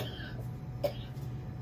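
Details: Single short, dry cough from an adult with a cold, laryngitis, lost voice and sore throat, over a steady low hum, recorded on a film set.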